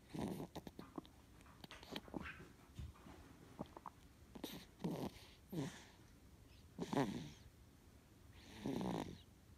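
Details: Sleeping baby: short, soft noisy breaths with a faint rattling, squeaky edge, about 30 a minute; snoring.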